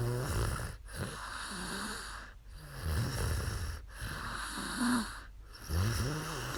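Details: A young woman snoring after falling asleep during a live stream: low rattling snores on each breath, about five in the clip, roughly 20 breaths a minute, with quiet pauses; ordinary snoring.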